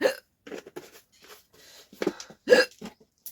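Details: Hiccup challenge, hiccups after eating very spicy namkeen: several sharp, abrupt gulping catches of breath with brief voiced yelps.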